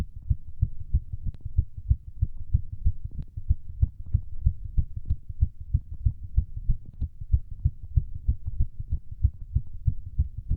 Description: My fastest heartbeat during workout (re-upload).